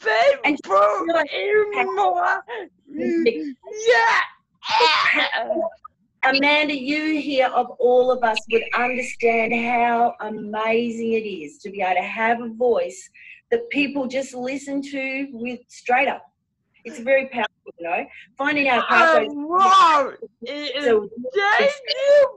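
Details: Adult speaker; typical speech.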